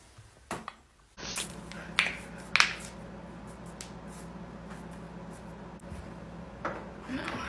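A few sharp, isolated pops and cracks over a low steady room hum, consistent with joint cracking.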